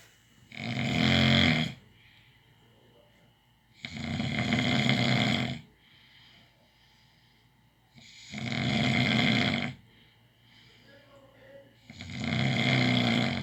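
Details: Loud, harsh snores about every four seconds with quieter exhalations between, about 16 breaths a minute: snoring.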